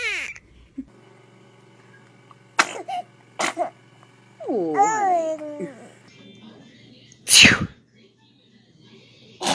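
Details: Baby sneezing: small sneezes, short sharp bursts with a brief whimper between, against a quiet room with a low hum.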